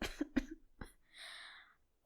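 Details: Simulated cough, acted by a voice actor in a fictional illness (hanahaki) story involving coughing up blood: three short, harsh cough bursts, then a breathy exhale; acted coughing fit.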